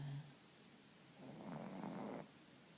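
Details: A soft, low rumbling snore on one breath from a very sleepy female pug napping while her owner tries to wake her for a walk, over quiet room noise.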